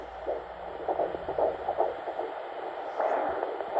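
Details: Fetal heartbeat at 15 weeks 2 days of pregnancy: rapid, regular whooshing pulses at about 148 beats a minute on Doppler; normal fetal heart sounds.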